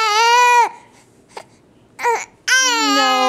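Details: Infant crying after a bout of hiccups that began when he finished his bottle: two loud, sustained distressed wails separated by a brief gasp and a short whimper.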